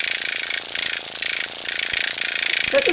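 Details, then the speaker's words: Motorized microneedling pen on a woman over 50's own neck wattle area, needle depth increased to 0.75: high fast buzzing rattle swelling and fading in short pulses as the pen moves in small circles. "I'm going to go ahead and do this waddle area down here but I'm gonna increase the depth of the needle 4.75"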